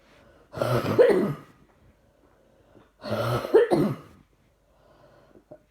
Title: Gutted that didn't pick up the wheezing as clear as I felt. Coughing & more coughing